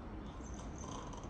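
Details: An adult patient with nasal septal deviation, during flexible nasal endoscopy, imitates a snore on request: a brief, low, fluttering rumble, voluntary snoring imitation.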